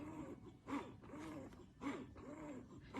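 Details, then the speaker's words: Medela Symphony hospital-grade breast pump running on its highest setting: quiet, rhythmic whooshing suction cycles about one per second with a soft motor hum. "again it's a very quiet pump and that is the symphony in a nutshell"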